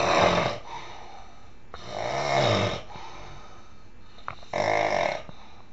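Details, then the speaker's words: Loud snoring from a young man sleeping on his back in the morning, snores intense enough to wake him at times, likened to a helicopter; afterwards calmer. "Cuando ronca hasta se despierta. Ande, cabrón. Este es un helicóptero. Un helicóptero a punto de desvielarse."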